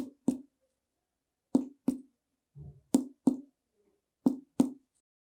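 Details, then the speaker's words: Chest percussion demonstration in a respiratory exam lesson, illustrating air accumulated in the pleural space: paired hollow, drum-like taps; tympanic percussion note over the lung area. "vamos observar o som com Pânico o som timpânico E aí E"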